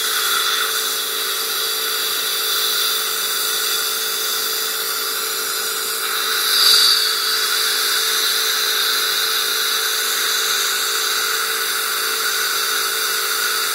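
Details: Dental laser in use during crown lengthening at a dental clinic: a steady, high-pitched hiss and whine running continuously in a small room.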